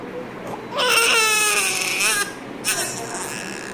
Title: Healthy CRY 😭😭 just after birth of NEWBORN BABY